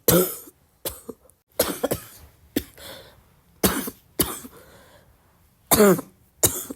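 Repeated coughs, about nine over seven seconds, with a loose, rattly quality; a wet, productive cough.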